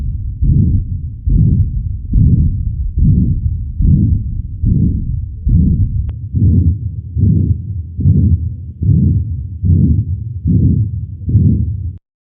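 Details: Regular low heartbeats at about 72 a minute, with a soft continuous sound between beats; heart sounds.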